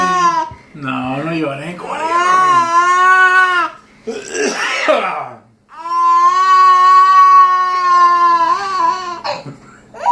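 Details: 10-month-old twin infants crying after being scared by their father's sneeze: loud, sustained wails with short breaths between, in a small room; infant cry.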